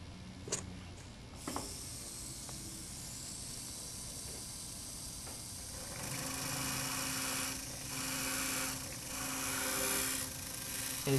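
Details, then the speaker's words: Steady high-pitched motor whine rising and easing in pulses from a W&H Implantmed motor during a dental implant osteotomy. The marking drill is followed by a 2.0 mm MIS drill with a 13 mm stopper, cutting with in-and-out strokes. "first drilling with the marking drill [Music] next the 2.0 mm drill which we'll use with the 13 mm drill stopper"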